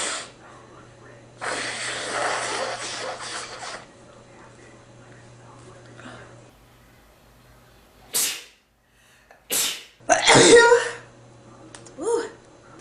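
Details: Man sneezing and blowing his nose: a noisy nose-blow followed by two sharp sneezes and a final explosive sneeze with a voiced cry.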